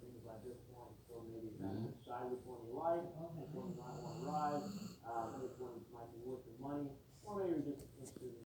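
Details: Sleeping female dog on a couch, snoring, farting and dreaming: continuous rattly, whining nasal noises with snorts and small whimpers; snoring and snorting in sleep.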